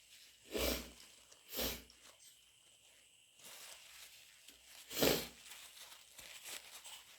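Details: Cough in a person with a cold, possibly lingering two weeks, described as a bad cough: three short, harsh coughs separated by quiet room noise.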